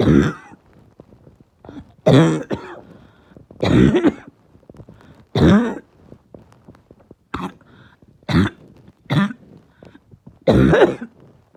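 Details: Person with chest pain: about a dozen repeated harsh, hoarse bursts of barking, throat-clearing cough separated by pauses; barking cough.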